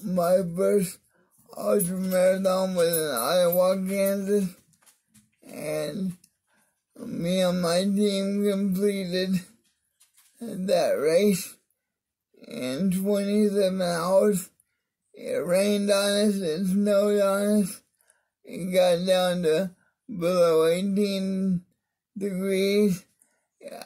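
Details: Adult man with cerebral palsy (spastic diplegia affecting arms and legs) whose voice differs because of it; mild dysarthria.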